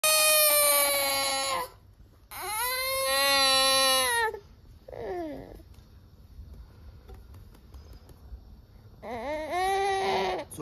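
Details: Baby crying in loud, high-pitched wailing bursts separated by pauses, with a short whimper between: infant crying.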